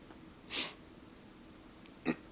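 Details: Two short dry airy coughs about 1.5 s apart over room hiss; tickly dry cough the person attributes to allergies and partly to smoking.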